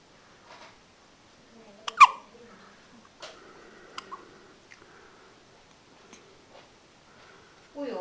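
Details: Infant baby girl with hiccups: several abrupt, sharp hiccups, about four in eight seconds, with soft baby sounds between them; infant hiccups.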